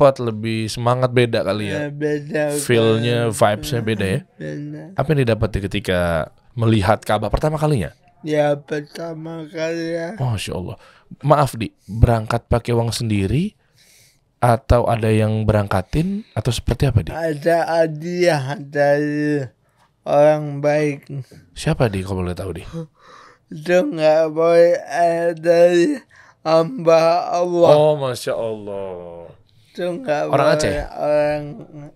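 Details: Adult man born in 1987 with severe cerebral palsy from birth, attributed to a birth injury during a breech delivery; he could not walk until age 9; speech possible but unclear; dysarthria.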